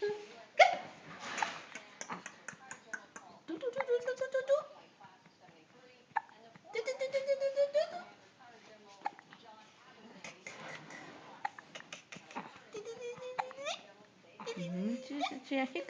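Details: An infant's brief, squeaky hiccups, mixed with aunts imitating them and quiet room talk; ordinary infant hiccups.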